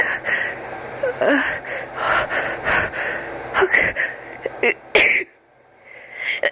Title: Intense sneezing with a few epic buildups